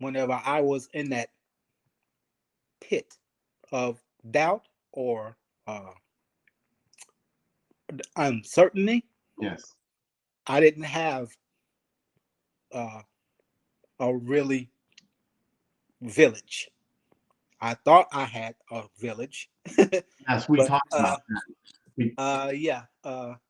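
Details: 52-year-old man, 3 years after an ischemic stroke, still working on his speech, in a real conversation; aphasia.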